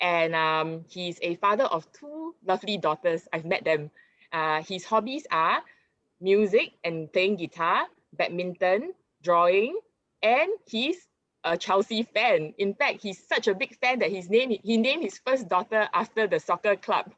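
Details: Adult woman speaking; ordinary speech.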